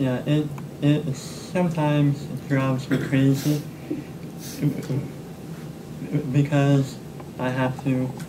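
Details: Stuttering in an adult man in speech therapy using stuttering modification (pullouts, cancellations) and fluency shaping; his clinician reports he now stutters much less.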